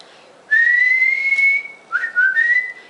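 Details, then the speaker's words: Strong, steady whistle, a sustained rising tone then a short two-note phrase, from an adult woman 2 years 1 month after Bell's palsy onset; her whistle has returned and grown stronger without exercises. "I was sitting in my car the other day listening to the radio and just started whistling and I'm I was shocked myself at how strong my whistle has gotten so I think that's a sign that my tongue is getting stron"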